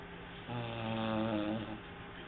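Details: Snoring recorded on a mobile phone: a single drawn-out, buzzing, low-pitched snore over a faint hiss.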